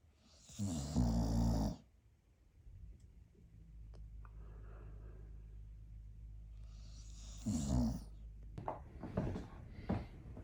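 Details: Small pet dog's very loud, raucous snoring, which the owner says is not even her loudest: two loud, deep, rumbling snores about six seconds apart, with a low steady room hum.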